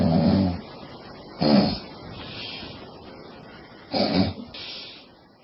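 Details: Loud, rough, rattling snores about every two and a half seconds over steady background noise, from a sleeping woman.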